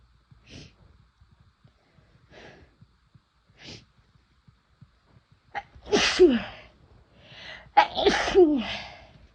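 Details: Induced sneezing after first-time use of chhinkni sneezing powder: sniffs and quick breaths in, then two forceful sneezes in close succession.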